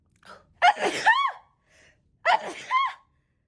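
Two sneezes in quick succession, each a sharp gasp followed by a voiced explosive burst; a brief sneezing fit.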